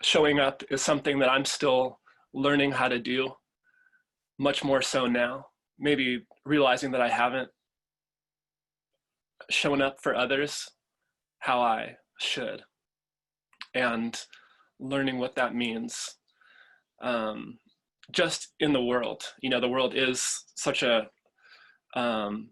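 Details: Adult man who stutters and chooses to stutter openly, speaking at a convention for young people who stutter; stuttering.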